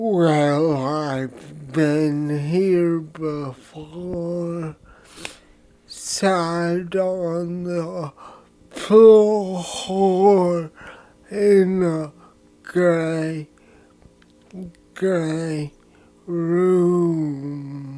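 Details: Male with dysarthria and slowed speech after a childhood traumatic brain injury, singing a song; he was unaware his own voice sounded slow.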